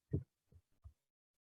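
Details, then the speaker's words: Soft, low, rapid thumps of a fetal heartbeat picked up by the fetal heart transducer on a pregnant woman during cardiotocography (fetal monitoring), alongside a tocodynamometer for contractions; normal range stated as 120–160 bpm; fetal heartbeat. "y este el otro traductor que me va a registrar los latidos cardíaco fetales"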